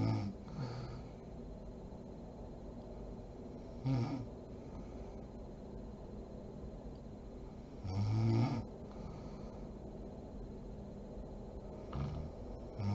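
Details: A sleeping adult woman (mother) snores in low, rough bursts with quiet breathing between, over steady room hiss: snoring.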